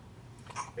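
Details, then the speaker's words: An infant gives a single short, sharp hiccup over quiet room noise, during a bout of hiccups lasting about 20 minutes after an 11 PM feeding and a very dirty diaper change. "oh that looked pretty bad oh oh she's shaking her own body poor girl there's nothing I can do about this this is what happens when we change a diaper right after eating and she gets a little worked up"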